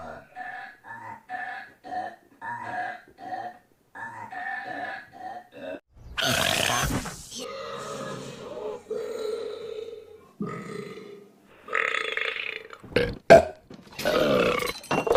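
Series of exaggerated cartoon burps and belching grunts, some rhythmic, with music; staged cartoon sound effects.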